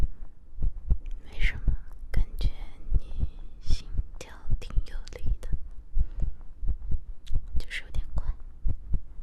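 Soft low thumping heartbeat, roughly 80 a minute, mixed with close rustling and whisper-like noise in an acted roleplay.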